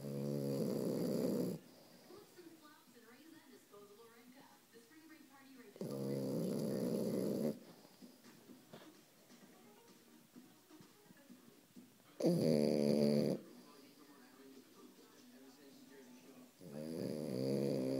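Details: Sleeping female puppy during her normal afternoon nap: four rough, buzzy snoring breaths, each about a second and a half, with quiet pauses between.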